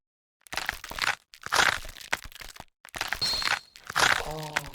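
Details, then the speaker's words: Knee crepitus in a segment on degenerative knee osteoarthritis in older adults: repeated gritty crunching and crackling bursts as the knee moves, louder than expected, suggesting worn cartilage. "우와. 이게 무릎에서 나는 소리라고요?"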